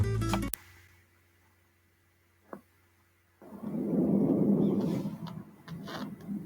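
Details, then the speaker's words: Normal vesicular breath sounds over axillary and posterior chest areas: soft blowing crescendo-decrescendo murmur, expiratory phase less audible and shorter, about one third of inspiration. "suenan con un murmullo soplo suave en creciendo decreciendo cuya fase inspiratoria es menos audible y más corta un tercio del respiratorio este ruido depende especialmente del despegue inspiratorio de los alveolos"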